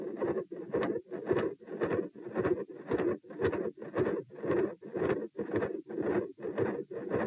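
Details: Heart sounds recorded at position P during a stress test in hot weather, lying, sitting, standing, then lying again (90-102-132-78 bpm): fast regular beats with rough scratchy mid-systolic murmur and very loud, large S2.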